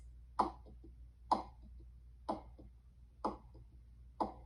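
Regular heartbeat about 63 a minute, each beat a loud first sound followed by two softer sounds, a three-part galloping rhythm: third heart sound (S3 gallop).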